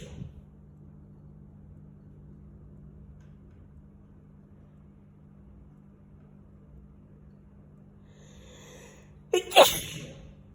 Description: Arrived home and started sneezing very loud